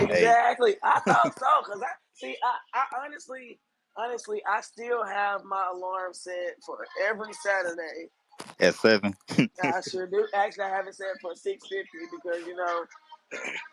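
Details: Adult speaker in a live voice chat; ordinary conversational speech.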